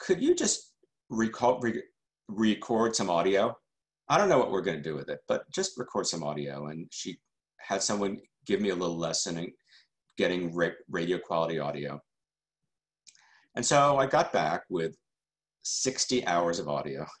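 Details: Adult male journalist who stutters, speaking in a keynote talk: stuttering.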